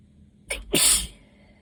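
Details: Allergy sneeze: a single sneeze with a quick in-breath and a loud explosive burst.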